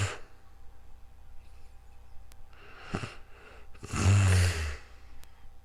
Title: ASMRSLEEPINGBEAUTY snoring real time sleeping calm relaxing sounds